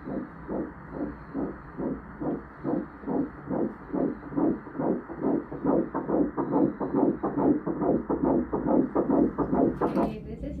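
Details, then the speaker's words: Fast, regular whooshing pulses at about 140 per minute on transvaginal ultrasound at the first prenatal visit, at 7 weeks and 5 days of pregnancy; fetal heartbeat. "heartbeat Ayan so napakinggan niyo po ang heartbeat ng aming baby"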